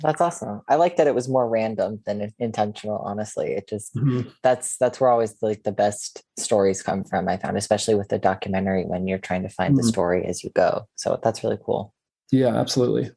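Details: Adult man; typical speech.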